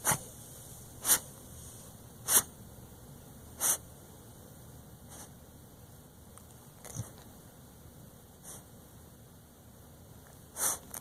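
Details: Dog with a very bad cough, vet-diagnosed asthma on steroid and bronchodilator; owner suspects congestive heart failure; swollen abdomen, trouble walking: run of short, harsh cough bursts, loud then fading, in a quiet room.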